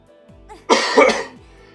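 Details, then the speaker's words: Two quick, harsh cough bursts from an adult recovering from a sore throat with a still-hoarse voice, with soft music underneath. "I will be coughing a lot though, so sorry about that."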